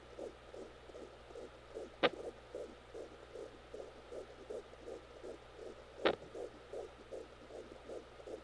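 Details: Twin pregnancy recorded at home with a home fetal Doppler, during labor: a fast, steady whooshing fetal heartbeat broken by two sharp thumps about four seconds apart, which are fetal hiccups.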